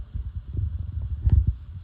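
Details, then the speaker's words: A student physical therapist listens over the abdominal aorta. Low, dull pulsing thumps with no swishing are heard: a normal abdominal aorta with no bruit. "Alright, and then next we're going to go ahead and listen to the sounds of the artery, the auscultations of the artery. So we're going to go to the abdominal aorta."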